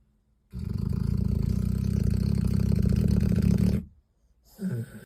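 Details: Sleeping dog snoring loudly: one long, loud, rattling low snore of about three seconds, then a quieter breath.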